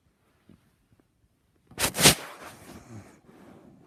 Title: My mom snoring really loud